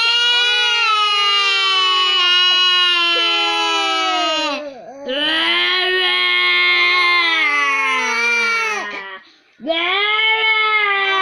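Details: Infant crying hard, reportedly frightened by an older sibling's voice; loud, sustained high-pitched wails with brief breaths between, in a small room.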